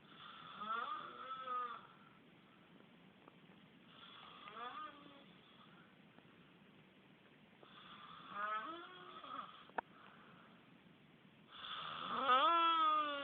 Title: Spooky Snore